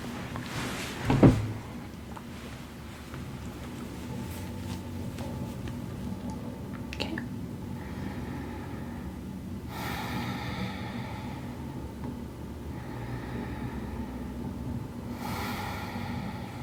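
Slow, deep breaths in and out, soft and airy over the back, after a brief knock; normal breath sounds.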